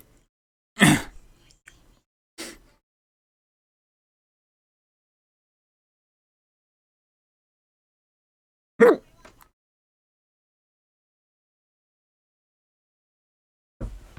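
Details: Person hiccuping before a breath-holding demonstration: four abrupt, short gulping catches at irregular intervals over about 14 seconds; hiccups.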